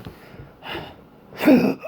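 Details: Adult with intractable hiccups ongoing since December 2015, plus breathing and choking spasms, cause undiagnosed, recorded October 27, 2019: two abrupt, gulping hiccups less than a second apart; hiccups typically occur every 1-3 seconds.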